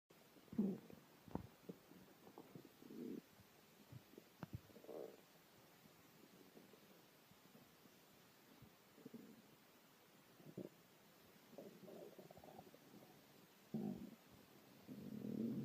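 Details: A yellow Labrador's stomach growling: irregular low gurgles and squelches from the belly, borborygmi as gas and fluid move.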